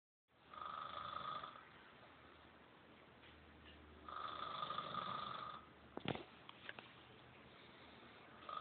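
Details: Loud, buzzing snores from a sleeping adult passed out after a night of drinking, each lasting over a second, with quiet exhalations between.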